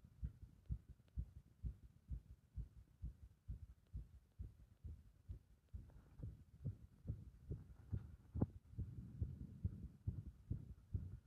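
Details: Muffled, fast heartbeats with uneven spacing over a low hum, the rhythm thrown into disorder by applied compression; irregular heart rhythm.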